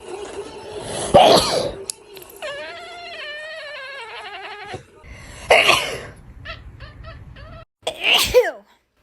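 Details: A person sneezing in front of a cat: a loud human sneeze, then the cat's drawn-out startled meow and later another sharp burst.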